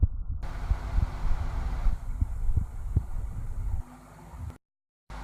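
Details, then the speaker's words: Irritable bowel sounds heard with a stethoscope on the abdomen: frequent low gurgles and soft thuds over steady rumbling; active bowel sounds. "Irritable vowel sound stethoscope से इस प्रकार का सुनाई पड़ता"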